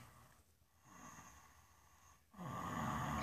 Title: Fat guy snoring 2